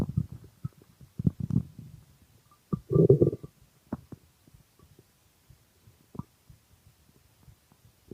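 Gurgles, pops and one longer groaning growl from a hungry stomach.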